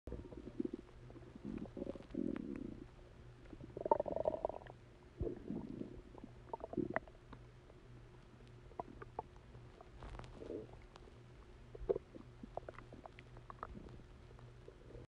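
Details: Stomach rumbling (borborygmi): gurgling, bubbling rumbles that come and go in irregular bursts over a steady low hum.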